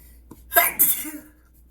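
A single sneeze: a quick inward breath followed by an explosive, hissing burst that fades out.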